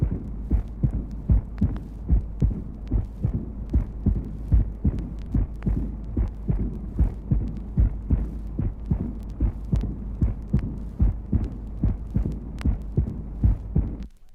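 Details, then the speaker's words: Mitral insufficiency recorded at the cardiac apex: regular heartbeat about 74/min, the first sound replaced by a systolic murmur, which is followed by the second heart sound. "Mitral insufficiency, recorded at the apex of the heart. The systolic murmur is followed by the second heart sound. Owing to the mitral insufficiency, the first sound is replaced by a murmur."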